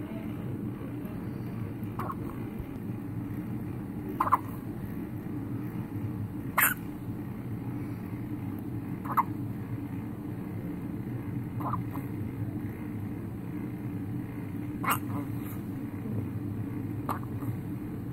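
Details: Hiccups in a 5-day-old newborn baby: short, sharp hiccup sounds recurring every two to three seconds, about seven in eighteen seconds, over steady room noise.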